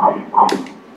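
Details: Fetal heartbeat on Doppler ultrasound at 13 weeks 5 days, fifth pregnancy after four miscarriages from thrombophilia, mother also has a thyroid problem: rapid rhythmic whooshing pulses at 165 beats a minute, called good.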